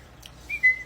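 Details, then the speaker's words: Two brief high whistles after a faint lip sound: a whistling vocal tic in a person with Tourette syndrome, a chronic whistler whose vocal tics are mostly whistling or lip trilling. "not just motor ticks but vocal ticks as well and not all of them are vulgar um in fact most of them are not U most of them are whistling or lip trilling or things like that"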